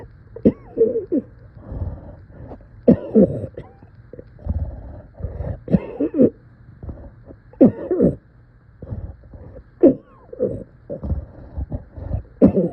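Repeated strained, groaning coughs with pained vocal sounds between bursts; a painful, distressed cough.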